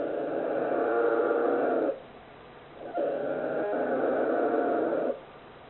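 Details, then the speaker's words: Two long, loud, buzzing snores separated by a quiet pause from a 41-day-old polar bear cub sleeping calmly after a fuss; snoring. "This is probably the sound of snoring."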